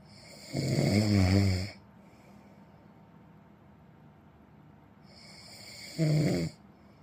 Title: เสียงกรน snore sound